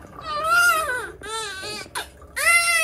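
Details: A newborn in hospital just after birth: strong, clear crying in repeated bursts with brief breaths between; a vigorous newborn cry.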